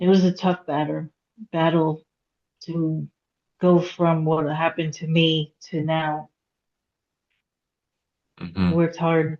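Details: Aphasia in a woman after a hemorrhagic stroke at age 36 (September 2018), with difficulty getting her point across, reading and writing; she could not talk for 2 years and had 2 years of speech therapy.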